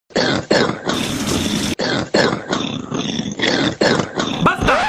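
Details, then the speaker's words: Child whose cough returns on laughing gives a run of harsh, rough coughs in close repeated bursts. "De seguro se ha de estar aguantando la tos pero normalmente al reírse se le activa la tos de regreso"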